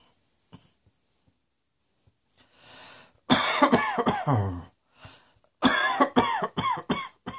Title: Cross Dressing Coughing 61